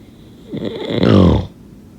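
A single rough, rumbling breath drawn in through the nose and throat, building and then stopping: one loud snore against a quiet room.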